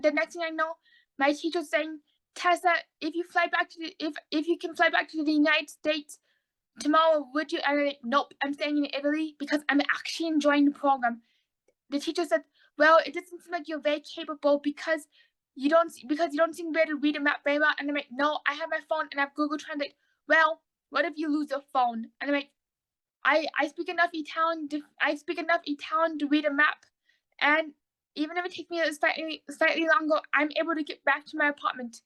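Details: Adult autistic woman with oral motor apraxia, recently diagnosed bipolar, repeating words and phrases; apraxia of speech.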